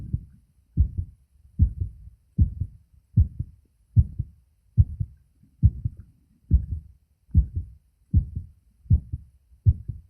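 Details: Self-recorded adult male heartbeat taken with a phone microphone over the auscultation sites: regular paired beats at about 76 a minute, clear first and second sounds; normal heart sounds.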